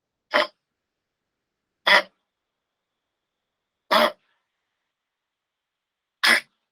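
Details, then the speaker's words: Dog with canine infectious respiratory complex (kennel cough): four harsh, dry, irritative, loud honking coughs resembling a goose's honk, ending with attempts to expectorate secretions. Goose-honk cough of infectious tracheobronchitis. "Tos seca, irritativa, fuerte. Parece el graznido de un gansito, por eso se le llama así tos de ganso."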